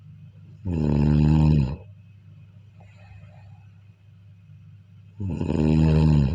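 Two loud, rumbling, drawn-out snores on breathing in, about four to five seconds apart (roughly 13 breaths a minute), with quiet between.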